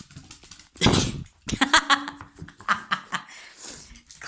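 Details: A dog gives a harsh, hacking cough followed by a few shorter gagging bursts in a small room: dog cough.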